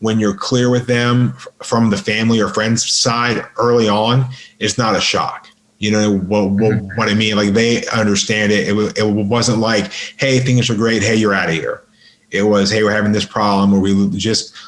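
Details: Adult man with a lifelong stutter, severe by his own account, improved through hard practice including 12–13 days at a speech school; real stuttering in a podcast interview.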